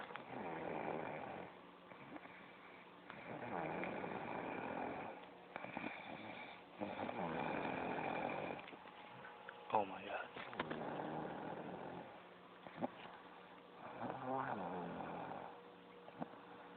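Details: A girlfriend snoring: rough, rattling snores on each breath, about five in the stretch, roughly 17 breaths a minute.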